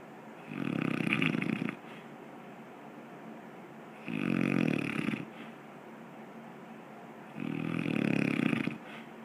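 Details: Person falling asleep: three loud, rumbling snores on the in-breath about 3.5 seconds apart, roughly 17 breaths a minute, with quiet breathing between; snoring.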